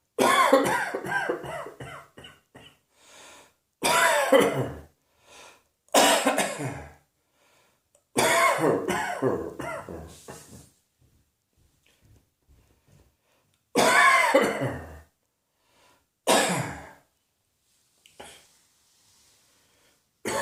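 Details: Repeated bouts of harsh, loud coughing in clusters separated by pauses, with some throat clearing; a persistent cough.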